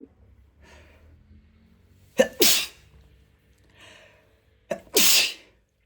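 Two forceful sneezes, each with a sharp intake then an explosive, hissing burst of air.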